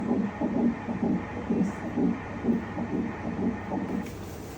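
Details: Rapid, regular whooshing fetal heartbeat at about 130 a minute, picked up by Doppler ultrasound in early pregnancy at a hospital visit 45 days after the previous one.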